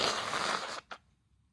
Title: a series of sneezes from the past few weeks